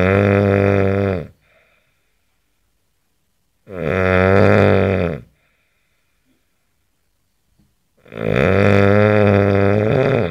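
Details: Adult man snoring, recorded May 17, 2011: three loud, deep, droning snores about 14 a minute with silence between; unusually smooth, buzzing tone.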